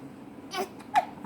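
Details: Male having hiccups: two short, abrupt voiced catches a fraction of a second apart over quiet room noise; hiccups.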